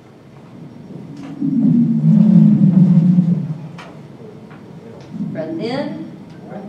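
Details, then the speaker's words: Expiratory wheezes: a low, musical, continuous tone swells over a breath, then higher whistling tones follow over faint background noise, as the bronchioles close down. "so this is where you're hearing mainly the bronchioles are closing down we've got to go ahead and open those up a little bit"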